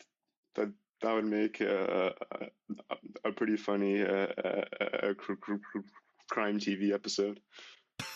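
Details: Male high school senior who began stuttering severely at age 10, with six years of speech therapy, speaking with hesitations; stuttering.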